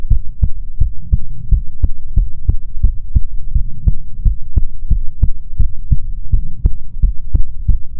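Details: Steady, deep lub-dub thumps, about 85 beats a minute, even in rhythm over a low hum, in an ASMR heartbeat recording meant to be soothing; normal heartbeat.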